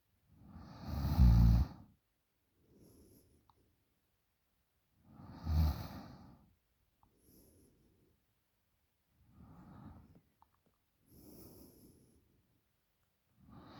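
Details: 20-year-old girl snoring very loudly in sleep: loud, rough, low-pitched snores on some breaths with quieter breathing between, about 14 breath sounds a minute; snoring.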